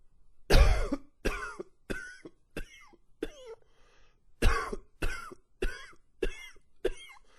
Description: It's long and wheezy with a few gags in there.